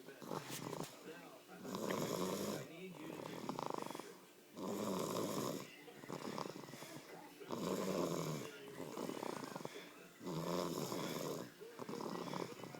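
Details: Rhythmic rattling snores with quieter gaps, about 22 breaths a minute, from a sleeping 1-year-old baby on Christmas night; snoring.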